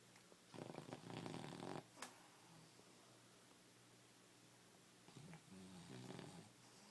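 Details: English bulldog snoring while asleep: two loud, rough, rattling snores separated by quiet breathing and a brief snort, against steady room hum; habitual snorer.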